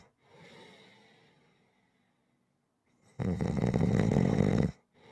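A single loud, rough, rattling snore on an in-breath, lasting about a second and a half, between quiet breathing; ordinary snoring.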